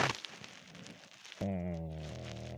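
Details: Loud, low, droning snore held over a second, after faint crackly room noise; an adult father snoring while his 29-month-old daughter tells him to be quiet.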